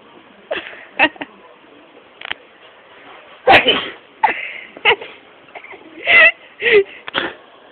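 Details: Boy's morning sneeze attack: a run of short, sharp bursts of air in quick succession, repeated sneezes.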